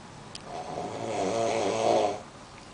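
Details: Man snoring, which the uploader attributes to smoking: a single loud, rattling snore on an in-breath that swells and then fades.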